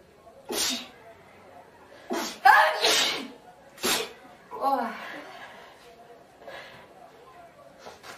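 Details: Four girls sneezing: several sharp, explosive sneezes from different people in turn, with faint voices and laughter between them.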